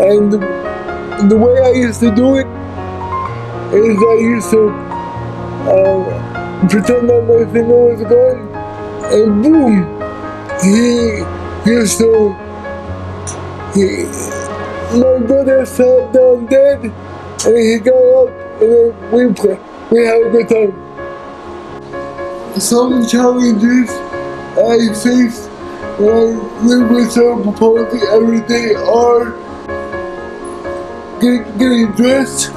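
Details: Dysarthric speech in an adult man with cerebral palsy who uses a wheelchair.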